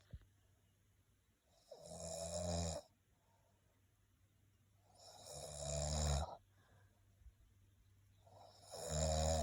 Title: Turkey Snore